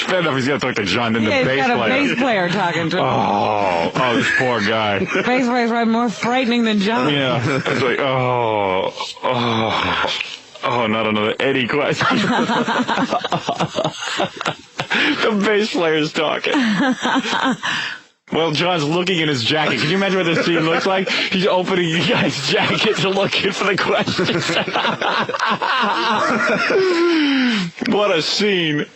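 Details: Adult male radio host; no speech disorder.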